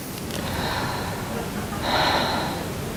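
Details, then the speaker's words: Stethoscope chest auscultation demonstration, anterior chest at the second to fourth intercostal spaces, volunteer breathing through an open mouth: two soft, airy breaths with no wheeze or crackles, normal breath sounds. "so all I'm hearing is just normal sounds on the website we're going to differentiate abnormal and normal okay"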